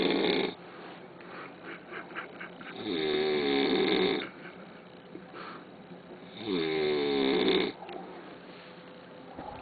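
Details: Very loud, harsh, rattling snores on each in-breath, about one every four seconds, with quieter breathing between; extremely loud snoring in a man.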